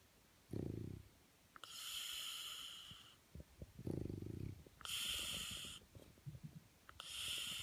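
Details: French bulldog sleeping on his back under the covers, eyes open, not sedated: alternating low snorting snores and harsh hissing breaths about 18 a minute, noisy airflow; loud snoring.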